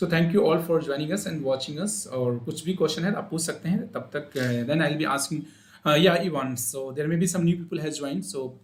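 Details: Adult male speaker; normal voice.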